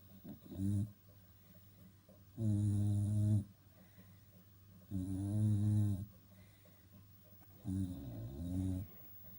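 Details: Parker snoring: loud, rumbling, voiced snores in a slow repeating pattern, about four in under ten seconds, with quiet breathing between.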